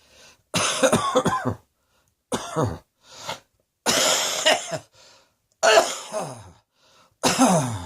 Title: Cross Dressing Coughing 121